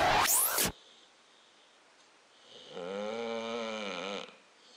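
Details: Adopted American Bulldog curled up on a chair: a loud snort, then a long, rough snoring breath with a faint whistling tone, heavy snoring with a slight wheeze.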